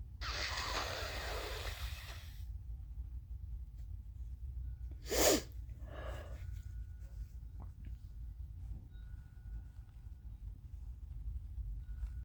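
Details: Woman with hair in a towel: a long breathy nose blow, then one sharp unexpected sneeze with a short follow-up breath; sneeze.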